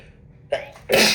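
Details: Adult woman with a cold and possible pollen allergy, badly stuffed up, inducing a sneeze with a tissue: a sharp breath in, then a loud explosive sneeze.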